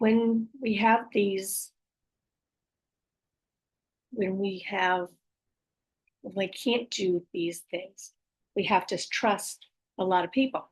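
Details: Adult female stroke survivor with post-stroke aphasia, apraxia of speech and dysarthria, says her speech can be hard to understand; word repetitions; aphasia with apraxia of speech and dysarthria.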